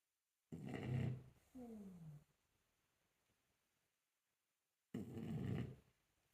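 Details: French bulldog Rembo snoring in sleep before being woken: two loud rattling snore breaths in a quiet room, with a short whining squeak between them.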